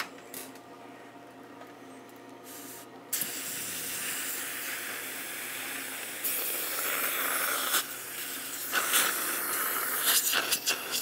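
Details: Dental air-water syringe rinsing after crown cementation on the maxillary left canine, at a second visit following a digital impression: steady hissing spray with bursts of water and suction noise.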